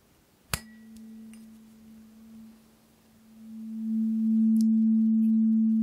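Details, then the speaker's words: Simulated ASMR audiologist hearing-frequency role-play: tuning fork number seven of eight, slightly higher in frequency, is struck and held to the second ear. A tap, then a steady pure tone that swells as it nears the ear. "we're going to start with the lowest frequency I'll strike the tuning fork play it to one ear and then again plate to the other and I'm looking for you to tell me how it sounds"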